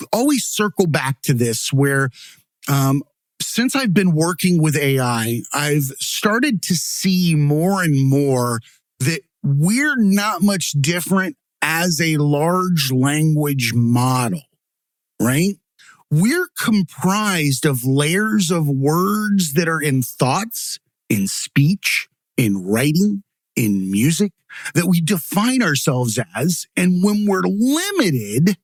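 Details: Adult male speaker; typical speech.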